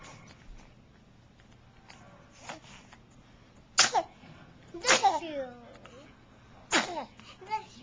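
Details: Recorded on a Flip Video camcorder: three sharp, explosive sneezes in quick succession, with faint talk and room noise in the background; sneezing.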